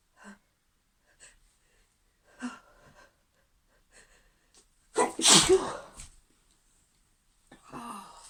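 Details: Female with a sneezing fit she cannot stop: faint breaths, then one loud, forceful sneeze and a softer follow-on burst, part of a run of repeated sneezing.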